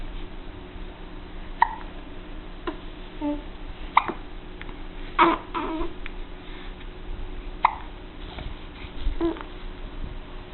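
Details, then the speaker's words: Five-week-old baby with hiccups: repeated short, abrupt hiccup catches, about five in ten seconds, among soft babbling. "You have the hiccups, don't you?"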